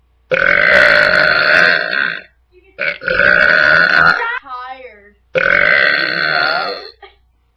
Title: Burping =)